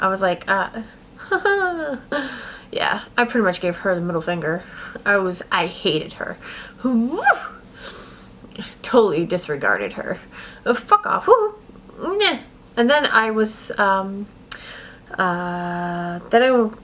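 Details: Adult woman with adult-onset Tourette syndrome that began about six years ago, diagnosed at 32. Repeated involuntary vocal tics, including swearing, break into her speech. She also reports throat clearing, sniffing, a hiccup-like tic and shoulder shrugging. Vocal tics with coprolalia.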